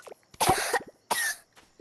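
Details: Two harsh, forceful cough bursts from an adult whose voice is going and who says that if it gets really bad they have to keep coughing; the first longer with a rough tail, separated by a brief pause.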